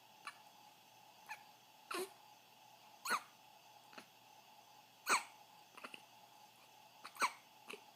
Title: 2:30 AM.... Those darn hiccups. Believe it or not, they are